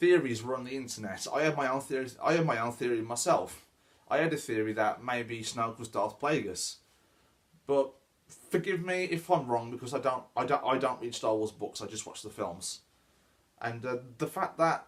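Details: Stuttering (stammer) in a male speaker who reports he stammers; this stretch has repeated words.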